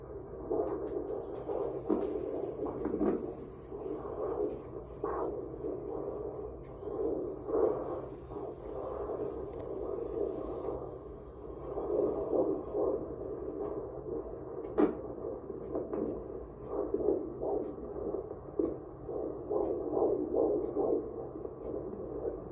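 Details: Fetal heartbeat on Doppler at 18 weeks pregnant during a birth-center ultrasound visit: rhythmic, fast whooshing pulses from the Doppler probe.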